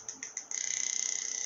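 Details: Biotronix PMST NEO Plus magnetotherapy applicator (7 Tesla) running three rotating frequencies of 3 Hz, a medium value and 28 Hz, within a 1–50 Hz range, with the field felt in the operator's hand: a few soft clicks, then a steady high-pitched whine with fast regular pulsing.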